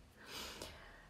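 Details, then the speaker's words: Snoring pug: a brief, noisy snorting breath from a small flat-faced dog in a quiet room, heard as snoring. "кто вы друг другу и храпящим обществу слышите храпящий мопс"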